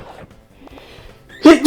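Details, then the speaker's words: One sudden, forceful adult sneeze, announced just beforehand, bursting out after a few quiet moments over faint background music during a gaming recording; speaker mentions phlegm. "or just say that's nice dave i'm going to sneeze oh"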